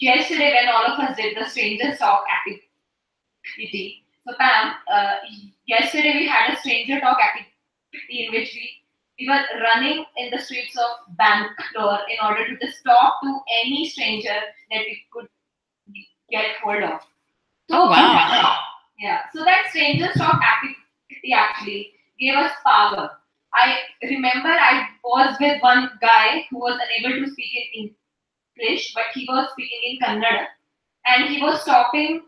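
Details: Adult woman who stutters (stammers), giving an awareness talk, with audible part-word repetitions; stuttering.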